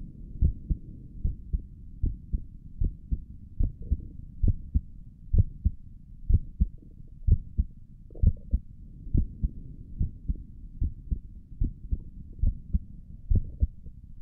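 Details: Own heartbeat recorded through a stethoscope on the chest for relaxing ASMR: steady soft paired thumps at about 63 beats a minute, regular rhythm; stomach gurgles occur in the recording; normal heart sounds.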